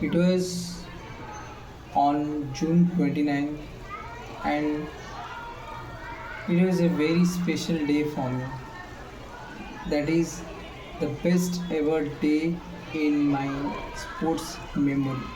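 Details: Male speaker with self-reported stammer involving sound repetitions; stuttering.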